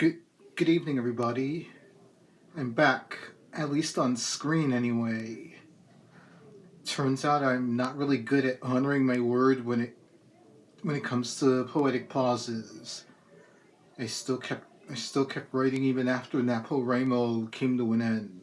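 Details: Adult man with cerebral palsy and a lifelong speech impediment as a complication of it, persisting despite speech therapy through elementary, middle and high school; stuttering-like dysfluency in cerebral palsy.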